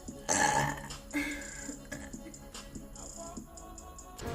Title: Random Twitch girls burping 3